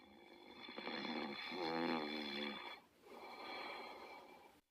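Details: Otto and Diesel, pets sleeping and snoring: two long, buzzing, rattling breaths with a short pause between them.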